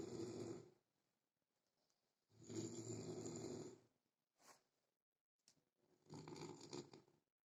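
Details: Heavy snoring in a soldier, who sleeps alone because of it: loud, rough, rattling snores with each breath, three long bursts separated by quiet pauses, in a quiet room.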